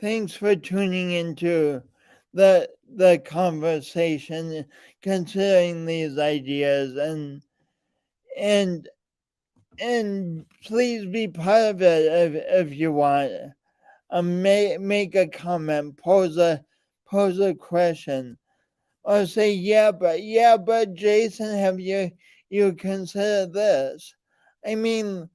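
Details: Man with a speech impediment present since birth and still ongoing, alongside lifelong coordination differences; speech disfluency with repetitions and prolongations.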